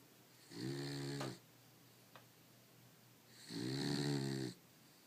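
Two long, buzzy, rattling snores about three seconds apart, each lasting close to a second, from a sleeping dog.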